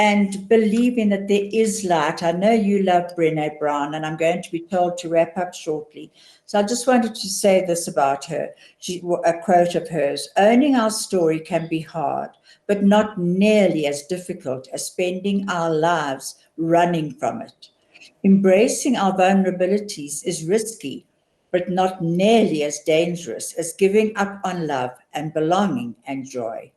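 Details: Adult woman speaking; normal speech.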